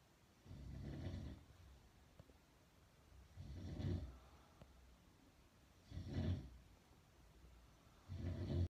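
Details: Parents snoring in their sleep: slow, low rumbling snores on each breath in, roughly every two to three seconds, with quiet pauses between.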